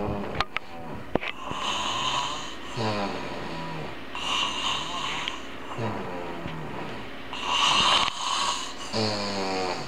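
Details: Adult man snoring loudly, enough to keep a listener awake without ear plugs: repeated rough, rattling breaths with a whistling edge, about eight breaths over ten seconds.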